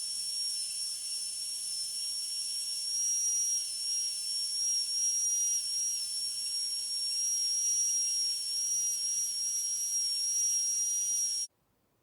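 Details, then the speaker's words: Steady high-pitched whine of a high-speed dental handpiece running about eleven seconds, then stopping, removing enamel islands between depth grooves on tooth 46 during full-veneer metal-ceramic posterior crown preparation demonstration. "So the next step is to take away the islands of enamel that are remaining in between the depth cuts that we have made."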